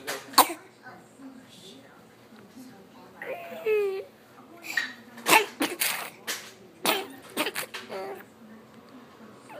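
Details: A 7-month-old infant gives about six short, sharp coughs, some in quick clusters, with brief whimpering between; infant cough.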